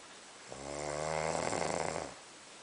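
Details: Loud single rattling snore, about 1.5 seconds long and rising and falling, from a man asleep in a dark, quiet room; snoring.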